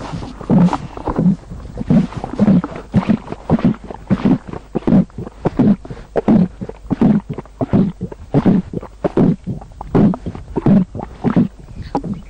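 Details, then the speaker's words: Loud, frequent gurgling bowel sounds (borborygmi) from a young girl's abdomen, heard as she walks toward a borewell; locals claim the noise shows she senses underground water. It is active gas and fluid movement in the intestines. "જે પ્રમાણે અવાજ સાંભળ્યો તે અવાજ આ દીકરીના પેટમાંથી આવી રહ્યો છે અને તે એવું સૂચવે છે કે આ જગ્યાએ પાણી છે"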